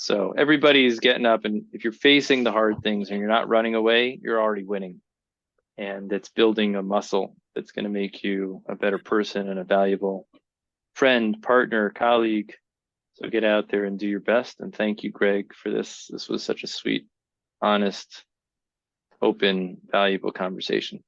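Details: Adult man; plain speech.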